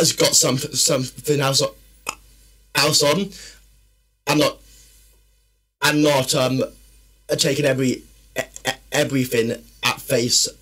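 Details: Adult male, former army medic, with a stammer since childhood that worsens when tired, stressed or nervous; stuttering.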